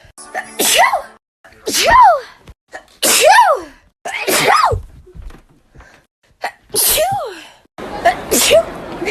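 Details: Natural sneezing compilation: about seven sharp sneezes in a row, each a quick gasp followed by an explosive burst.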